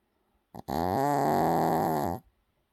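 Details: Milo snoring in sleep: a short snort followed by one long, throaty, vibrating snore on a single breath.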